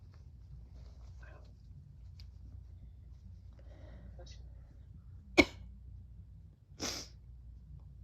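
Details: Sick one, called 'my baby', sneezing again and again while someone says bless you: two sharp, short sneezes in a quiet room.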